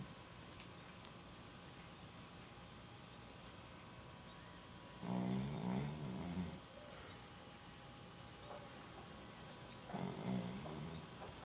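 Two long, low, rattling snores about five seconds apart over steady room hum; snoring in a sleeping dog.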